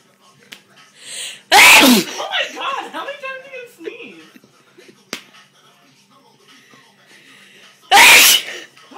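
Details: A girl sneezing uncontrollably: two loud, sharp sneezes, the first followed by laughter.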